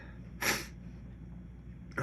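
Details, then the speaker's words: Single sharp, wet, messy adult sneeze in a quiet room, after a ticklish, itchy feeling following the gym; an ordinary sneeze. "Wow, that sounded weird and messy. Probably because it was messy."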